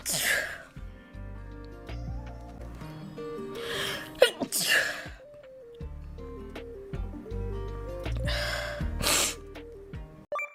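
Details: Weekly compilation of sneezes by Nijisanji VTubers during streams: several loud sneezes from different voices with sharp intakes of breath over steady background music; repeated sneezing.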